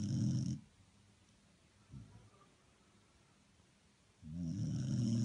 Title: Dog snoring